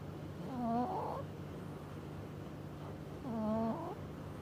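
Two slow, drawn-out nasal snoring sounds about three seconds apart over a low steady hum: a cat snoring.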